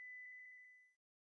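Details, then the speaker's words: Simulated tinnitus, a sound heard only by the sufferer and absent from the surroundings, which can be whistling, buzzing or roaring. "si vous avez des acouphènes c'est que vous entendez des sons qu'il n'existe pas dans la vie qui vous entoure vous seul pouvez les entendre cela peut être un sifflement un bourdonnement ou un ronflement"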